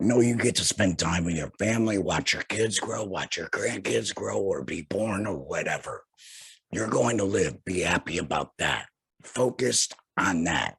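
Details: Male speaker who had laryngectomy surgery in 2020 and speaks without a larynx: alaryngeal speech after total laryngectomy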